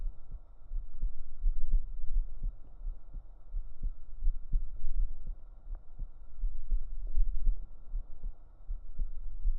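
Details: Real heartbeat recorded up close on the chest with binaural microphones for a relaxation recording: deep, regular low thumps at roughly 75 per minute over a soft steady hum; a heartbeat.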